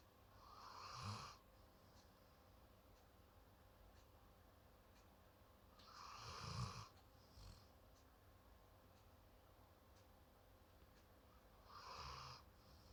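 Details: Pet sleeping while hugging the owner's hand, snoring softly: wheezy snores with a whistling edge, about one every five seconds, in a quiet room; its snoring sometimes wakes the owner at night.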